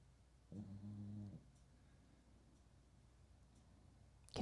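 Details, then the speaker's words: Sleeping pug dog: a single low, rumbling snore followed by quiet room noise; snoring. "we don't have leaf floors this week so and so we've replaced them with snoring pug i've gotta have a soundtrack"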